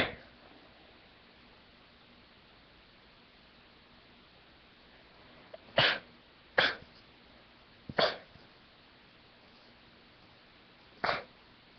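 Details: Dust-induced sneezing fit after cleaning a room, with one final sneeze that was slow to come: four short, sharp nasal bursts after a few quiet seconds; repeated sneezing.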